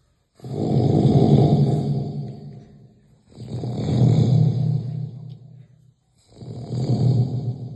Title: Heavy sound snoring